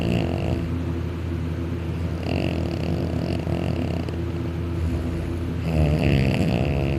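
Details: Dakota napping on the couch on his back, arm over head, mouth open and drooling; loud, rumbling snores with rattling low vibration and higher-pitched stretches through each breath; snoring, said to be louder when on his back.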